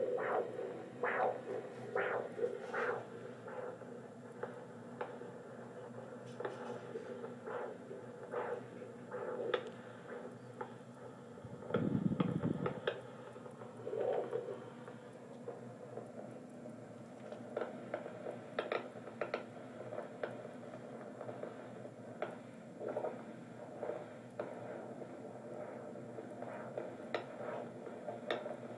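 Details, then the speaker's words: First time hearing the baby's heartbeat on a handheld Doppler: faint, rapid, rhythmic whooshing pulses with a brief handling rumble; normal fast fetal heartbeat in the 170s–180s range. "oh my gosh nice huh it's really fast oh goodness it sounds great it's the 170s to 180s range so it's really fast and perfect is perfect"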